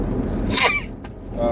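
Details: A child gives a single short, harsh cough burst against steady low room noise; the child kept coughing during the recording.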